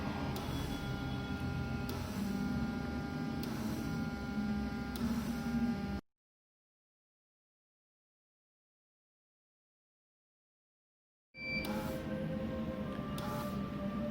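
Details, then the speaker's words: BIOROHM VitalSave Graphics T1 transport ventilator cycling in neonatal mode, set to 40 breaths/min, PIP 4, inspiratory time 0.3 s, low sensitivity: fast, regular mechanical ticking and clicking with a steady hum, cut by a silent gap. "Bueno, ahí estamos ciclando en modo neonatal."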